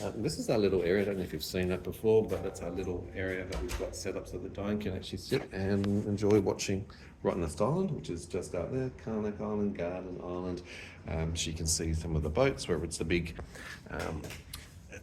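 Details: Adult man speaking; ordinary speech.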